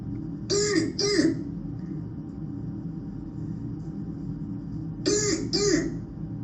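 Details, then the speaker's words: Croup demonstration: two pairs of short, harsh, seal-like coughs over steady background hum; barking cough of croup. "So this is that barking cough that you hear with croup. And some of you may have had kids that have gone through this, so you may recognize it."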